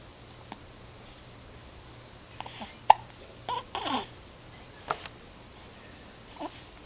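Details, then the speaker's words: Baby with hiccups: several short, abrupt infant hiccup sounds with small grunts and rustling background noise. "somebody has the hiccups hiccup just like in mommy's belly"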